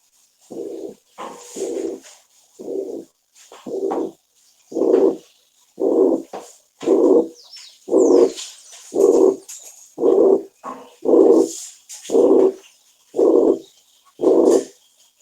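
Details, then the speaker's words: Mitral regurgitation murmur, high-pitched and blowing when soft and harsher as intensity rises: here a loud, rough whooshing murmur filling each beat at about 57 a minute; loud, harsh mitral regurgitation murmur. "cuando este soplo es débil o moderadamente intenso es de tono alto y carácter soplante"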